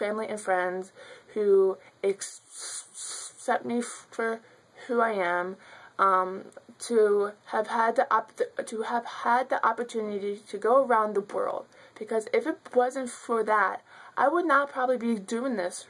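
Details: Adult woman who has stuttered since childhood, speaking spontaneously; stuttering.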